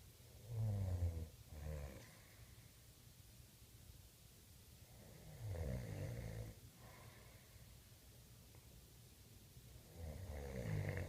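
Rhythmic low, rattling snores on each in-breath, about 13 a minute, with quiet pauses between; ordinary snoring in sleep.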